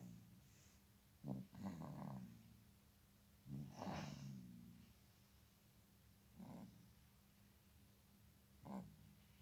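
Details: Newborn baby snoring during sleep: soft snorting and snuffly breaths with a steady hum behind. This noisy newborn breathing is described as normal at this age.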